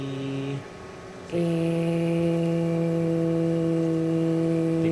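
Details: Sustained 'e' phonation during laryngeal exam in a patient with vocal cord immobility after prolonged intubation, cords showing poor separation; earlier laser treatment for granulation tissue.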